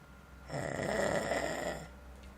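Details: Person asleep in a motel room giving one long, rough, rattling breath sound, with quiet breathing before and after; a single snore.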